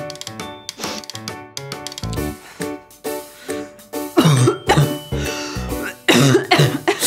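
Acted adult coughing: a run of harsh, loud bursts over cheerful background music in the second half. Plain cough.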